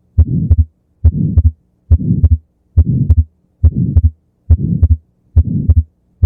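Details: Atrial septal defect: regular heartbeat about 70 per minute with a soft ejection flow murmur and wide fixed splitting of the second heart sound.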